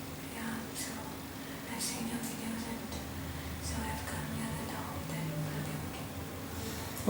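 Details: 30-year-old woman with left unilateral vocal fold paralysis after thyroid surgery, before voice therapy; weak breathy voice, unable to speak loudly, needing breaths to complete one sentence.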